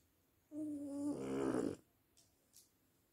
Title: Bulldog francés roncando. Snoring french bulldog